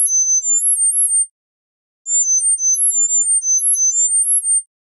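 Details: Acoustic coordinated reset (CR) neuromodulation tone sequences for tinnitus treatment, sampled from 1000 to 10,000 Hz in 1000 Hz steps for 10 seconds each; these sequences work best when centred on the listener's own tinnitus frequency.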